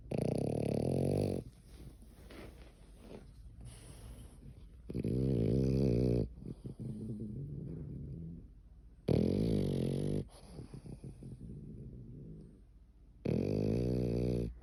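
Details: Female dog snoring loudly enough to wake the household: loud, rumbling, fluttering snores alternating with softer breaths, about four cycles in fifteen seconds.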